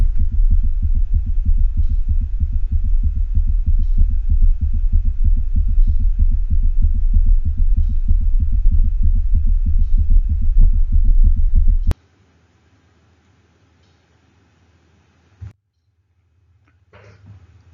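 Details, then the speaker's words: Heart sound simulator's attempt at normal cat heart sounds: rapid, regular low S1 and S2 thumps at a fast feline heart rate, though sounds are too tympanic and last too long for a real cat, then silence. "and finally we'll listen to the heart sound simulators attempt to make cat harp sounds the sounds are a little too tympanic and they last too long for a cat but the faster heart rate gives you a feel of how fast a cat heart might beat at"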